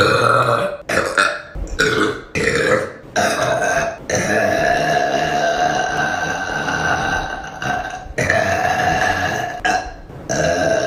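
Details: A run of long, loud, drawn-out burps, one after another with brief pauses between them.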